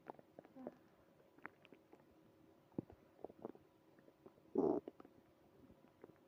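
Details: Bowel sounds (borborygmi).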